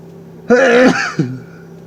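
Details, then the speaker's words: Man sneezing in a car during his daily sneezing bouts: one sudden loud voiced sneeze, then a brief vocal sound, over quiet car hum. "So I'm in the car in the middle of my daily sneezes. Oh. I think that's 7."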